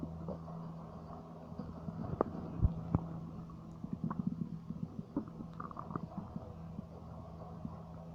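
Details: Stomach rumbling (borborygmi): low gurgling and bubbling rumbles with scattered pops over a steady hum; ordinary bowel sounds.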